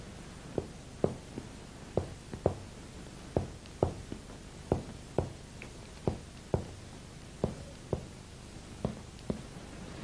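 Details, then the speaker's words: Chest percussion on a seated patient, the note changing from resonance to dullness at the level of the diaphragm, before a deep-breath test of diaphragmatic excursion. "y se llega a la altura de los diafragmas donde de sonoridad se pasa matínez"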